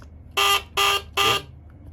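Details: Three short, bright electronic beeps at even intervals: a HawkMed HK-400III syringe pump's alarm tone played while adjusting its volume in the settings sound menu, after a speaker replacement.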